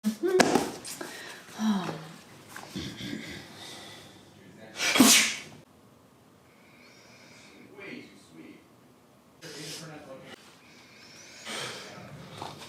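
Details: Staged comedy sketch of a sneeze attack: several sharp, explosive sneezes that won't stop, with voices around them reacting.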